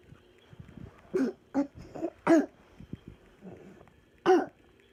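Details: A sleeping toddler with a fever, a bad cold and a bit of croup gives about four short, harsh coughs in a quiet room, fitting a mild croup cough.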